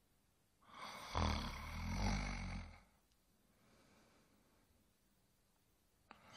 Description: 1 hour of a male snoring to help You sleep better at night.